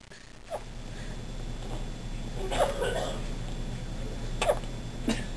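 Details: A few short, sharp gasping catches spaced irregularly over steady room noise; hiccups.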